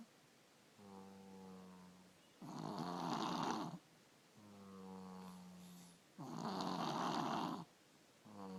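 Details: 3-year-old child with strep throat snoring, usually bad and now worse with the strep, with an ENT visit being considered: loud, harsh, rattling inspiratory snores with a softer buzzing out-breath, about 16 breaths a minute; heavy snoring, partly blocked airway.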